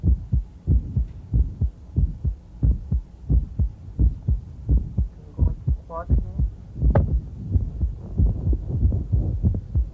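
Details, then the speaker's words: Mid-systolic click of mitral valve prolapse in a female patient, auscultated as she squats and stands; regular rhythm about 90/min, click just after S1, hard to separate from S1; softer with squatting, moves closer to S1 on standing, brief mid-systolic murmur. "so we'll listen to her click as she squats and stands very difficult to appreciate right next to the first turk sound"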